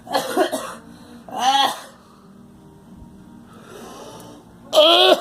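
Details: Girl coughing: a few harsh, wet-sounding coughs with a pause between bursts.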